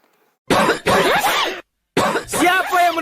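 An acted adult cough: a few harsh bursts mixed with voiced throat-clearing and groaning sounds.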